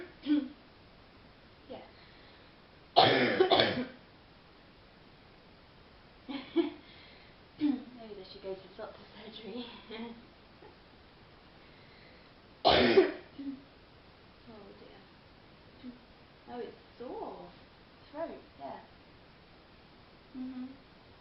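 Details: Girl on a phone call, under the weather, worse at night lying down: two harsh, forceful deep chesty coughs with throat clearing and quiet speech; real, not acted.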